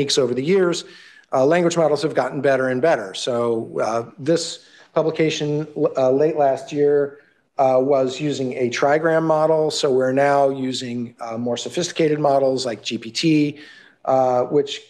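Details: Adult male lecturer; normal speech.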